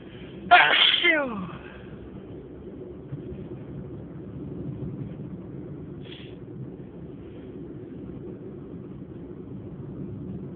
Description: This is a sneezing fit that I had and I thought that it didn't finish..enjoy